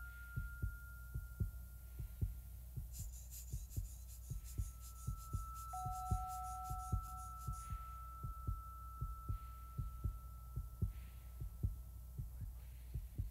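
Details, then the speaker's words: Steady low heartbeat thumps about 77 per minute with faint hum, a skier's heartbeat at extreme altitude on Everest, heart rate and blood pressure still close to normal. "heartbeat and blood pressure are still close to normal i wonder if i can ski at this height"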